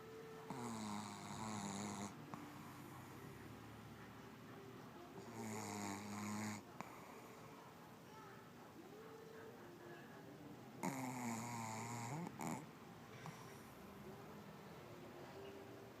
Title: Darla the pug snoring